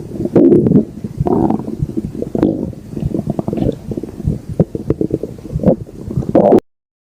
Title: Stomach Growling